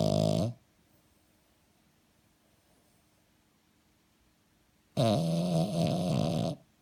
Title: Snoring French Bulldog